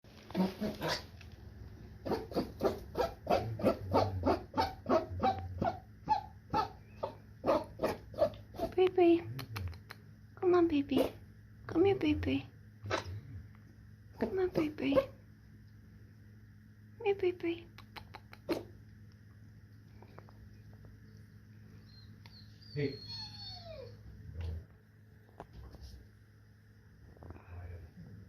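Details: Dog sneezing fit: a rapid run of sharp sneezes, then several shorter clusters.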